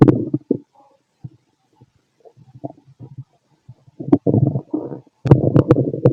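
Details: Irregular low gurgles and rumbling runs of stomach growling heard by stethoscope on a fit male's abdomen; active bowel sounds, normal.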